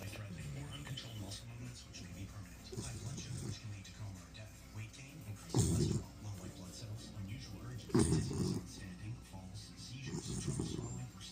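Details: Labrador Retriever puppy sleeping and snoring loudly: low rumbling snores, roughly 22 per minute, heard over background television talk; snoring.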